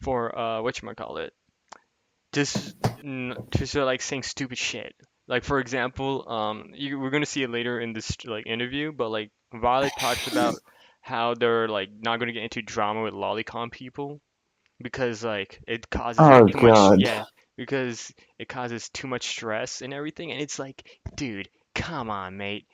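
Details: Adult male speaker; typical speech.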